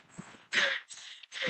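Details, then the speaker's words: Prominent wheeze with distress and breathlessness in a female athlete after running, treated as asthmatic (suspected exercise-induced asthma); rapid, harsh, labored breaths with a faint musical tone on some breaths. "and hopefully you can hear that prominent wheeze the distress the breathlessness and that's very typical of the type of case that we would see"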